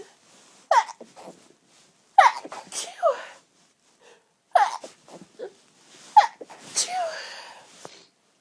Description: lots of rapid intense sneezes - had so many fits like this this afternoon